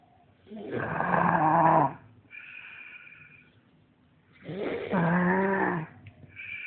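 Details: Heavy snoring during sleep: loud, rough, groaning snores with a softer whistling sound between them.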